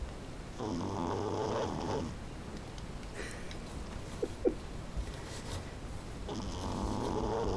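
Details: Tanja, a tiny Pekingese dog, snoring while asleep: soft rough breaths over steady room noise with two clear inhaled snores a few seconds apart; snoring.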